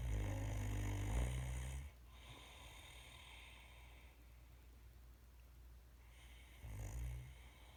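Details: Sleeping Great Dane giving two loud, deep, rumbling snores with a quiet pause between them; ordinary snoring.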